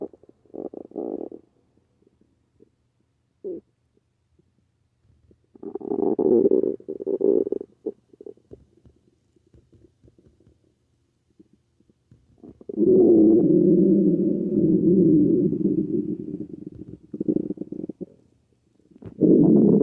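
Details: Frequent loud gurgles and a long rumbling growl from the abdomen after taking magnesium citrate: hyperactive bowel sounds.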